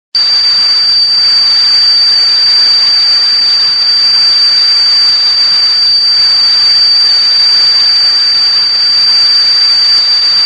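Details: Steady high-pitched whistle over loud hissing: a simulated tea kettle tone illustrating what people with tinnitus hear.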